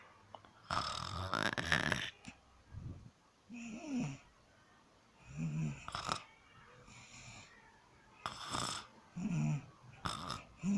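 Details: Person recording own sleep: repeated rattling snores with snorting, squeaky intakes and breathy outflows in a regular sleep rhythm; snoring.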